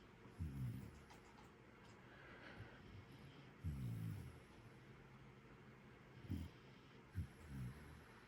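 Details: Waffle, a Jackador (Labrador cross) puppy: soft, low snuffling snores at an irregular slow rhythm over steady background hum; ordinary snoring.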